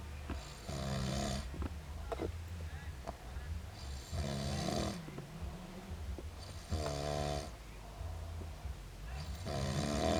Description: My drunken hubby can snore and hiccup at the same time. Here's a clip I took of him after a big day & night out drinking.